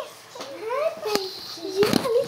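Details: Child vocalizing on her second day with a Passy Muir speaking valve; she has cri du chat syndrome and recently diagnosed primary pulmonary hypertension.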